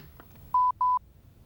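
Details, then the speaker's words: Two steady electronic beeps as a LIFEPAK CR Plus AED starts when its lid is opened during a routine inspection, confirming the speaker works; AED power-on tone. "Push the lid release button to open and start the AED. You should hear the voice prompts."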